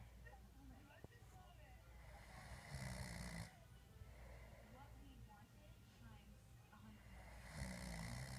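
Two loud, rough, rumbling snores on breathing in, about five seconds apart, with faint background chirps and murmur between them: snoring.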